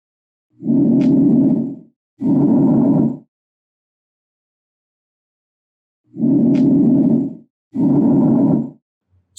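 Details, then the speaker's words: Normal bronchial breath sounds over the manubrium: loud, harsh, high-pitched tubular airflow in two cycles, expiration louder and longer than inspiration, with a clear pause between phases. "intensos y agudos y se oyen como si fueran fuertes corrientes de aire a través de un tubo el componente espiratorio es más intenso y prolongado que el respiratorio"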